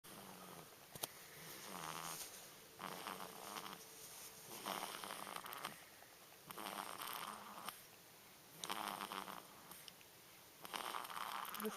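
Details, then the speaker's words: A sleeping newborn baby makes soft, rhythmic noisy breaths with a faint rattle, about 30 a minute, over steady room hum; newborn snoring. "our son, snoring away."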